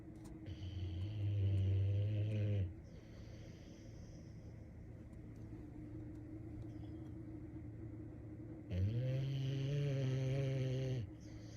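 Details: A Boxer dog snoring: two long, loud, deep droning snores on inhalation about six seconds apart, with steady room hum between them.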